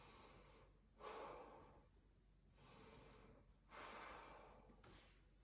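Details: Normal deep breathing on chest auscultation.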